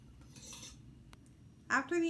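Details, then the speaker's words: IUD insertion training: after the provider gloves, the medical assistant opens the uterine sound and cervical dilator; soft packaging rustle, a tap, then metallic instrument clinks as sterile packs are opened. "after the provider puts on their sterile gloves the medical assistant will then open up the fundus sound and also the cervical dilator"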